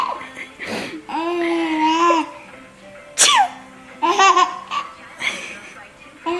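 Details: An adult fakes sneezes, each imitation followed by a baby's bursts of giggling; the sneezes are simulated, not real.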